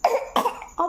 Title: acting cough 🤧